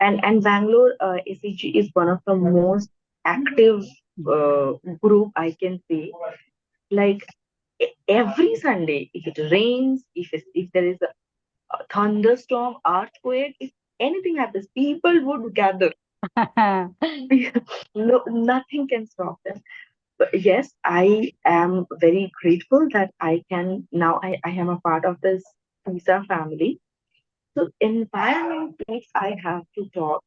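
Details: Adult who stammers and has hearing loss; repetitions and fillers audible; stammering.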